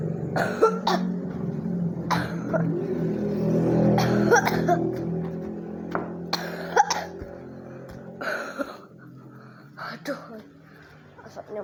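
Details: Scattered short cough bursts and throat clearing over a low hum and faint music: coughing in a smoky house.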